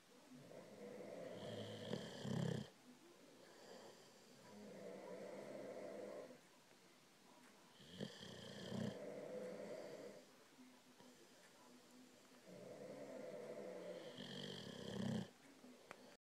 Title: Dueling snores